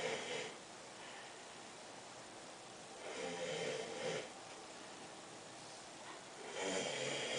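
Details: Male friend snoring during a 2008 spring break trip, keeping others awake: loud, rough snores about every three seconds, roughly 20 breaths a minute, with quiet pauses between them in a small room. Snoring.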